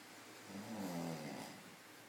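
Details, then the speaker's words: Snoring from a sleeper: a soft, brief, low rattling snore over quiet room noise. "snoring his heart out. He's really going for it."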